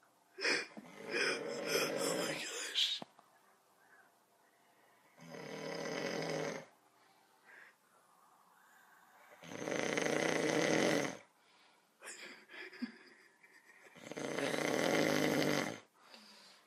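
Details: Person recorded asleep by a younger brother: loud, rough snores in long bursts, about four in 16 seconds, with quiet pauses between breaths; heavy sleep snoring.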